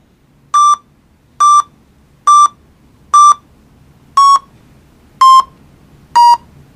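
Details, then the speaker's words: Pulse oximeter monitoring during anaesthesia: regular beeps about 64 a minute, pitch falling slightly over the last beats; the beep pitch tracks oxygen saturation, dropping as saturation falls. "the audible beep changes pitch with a value of oxygen saturation and is an important safety feature the pitch drops as the saturation Falls and Rises as it recovers"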